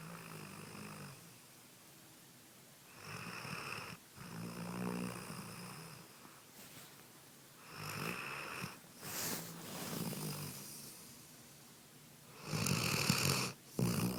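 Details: Snoring in a sleeping dog after getting comfortable at night: rough, rattling breaths in an irregular rhythm, a harmless snore.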